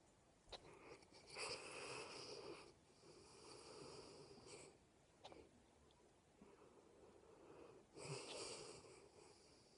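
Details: Mastiff dog asleep with head on pillow, recorded right at the ear: wheezy, whistling snoring breaths with sniffing and smacking sounds.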